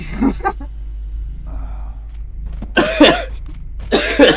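Several harsh coughs and throat-clearing sounds with short pauses between them, over faint room noise. An adult coughing fit.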